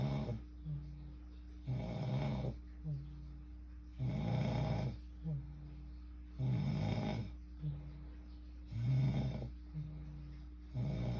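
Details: Sleeping person recorded by partner: loud, rough, rattling inspiratory snores, about 25 a minute, softer humming breaths between over a low hum; snoring.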